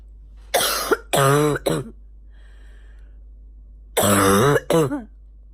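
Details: Female morning barking cough: two runs of loud, harsh, voiced coughs with brassy barking quality separated by a quiet pause.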